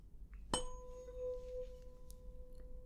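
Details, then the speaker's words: Tuning fork struck and placed on the mastoid process for a Rinne test in a simulated ASMR hearing-exam roleplay: sharp strike then clear steady fading tone. "And now we'll go ahead and test right behind the ear and right in front. So I'm going to strike the tuning fork and just put it on the mastoid process."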